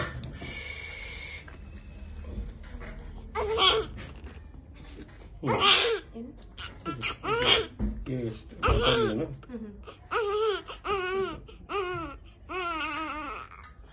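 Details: Newborn just delivered, undergoing gastric wash, with marked grunting and gasping: short repeated voiced grunts and gasps, then weak whimpering cries; neonatal grunting.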